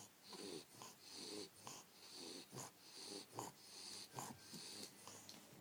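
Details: Sleeping bulldog: rhythmic, noisy snorting breaths with a whistling edge, roughly 70 a minute; snoring.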